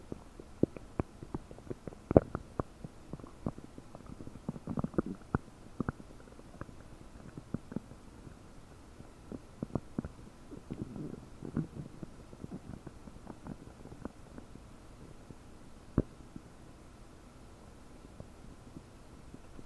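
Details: About 9 hours after eating 30 prunes, recorded with a desktop microphone: frequent bubbly gurgles and pops from a bloated belly; increased bowel sounds (borborygmi).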